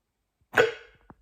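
A single abrupt, sharp hiccup sound in a quiet room, from a sudden involuntary catch of breath.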